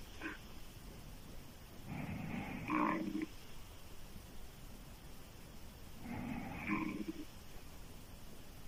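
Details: Loud, rough open-mouth snoring from a female sleeper, two snores about four seconds apart over a steady background hiss.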